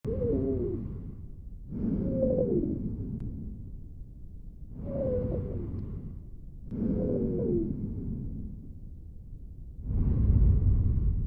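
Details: Stridor on lung auscultation: a repeated high-pitched musical noise with each breath, heard through a stethoscope.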